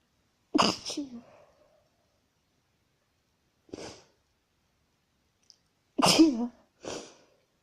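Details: Female, induced but real sneezing: four separate sneezes, each a sharp burst of air, with quiet gaps between them.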